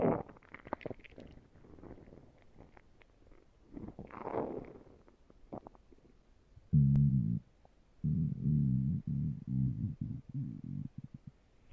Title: my stomach growling